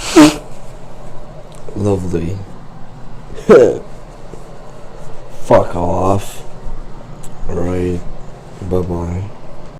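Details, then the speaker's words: A run of powerful sneezes, each a sharp explosive burst followed by a short voiced sound, repeating irregularly; afterwards the nose is bleeding with a hard crust. Sneezing. "Oh, that was a really powerful, nasty sneeze."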